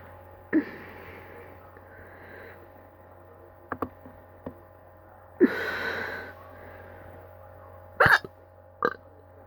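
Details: Sarah's hiccups: sudden sharp catching sounds at irregular intervals over steady room hum, with a breathy exhale between.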